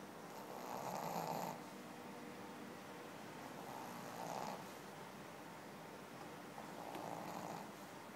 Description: Pekingese- Pink, the pekingese snoring